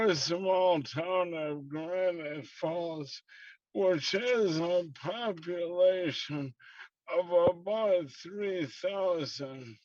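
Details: Dysarthria due to slowly progressing ALS in a man about to turn 69, diagnosed approximately 2 years ago; he says the disease audibly affects his speech.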